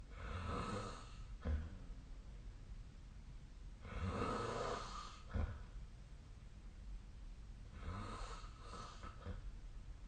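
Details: Snoring during sleep: three rough, fluttering breaths, each ending in a brief snort, repeating about every four seconds (about 15 a minute) against faint room noise.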